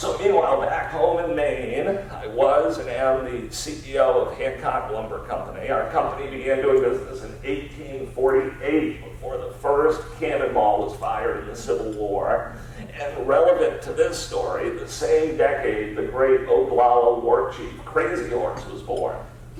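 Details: Adult male with spasmodic dysphonia, a rare neurological disorder affecting only speech with no known cause or cure, treated with periodic Botox injections; spasmodic dysphonia.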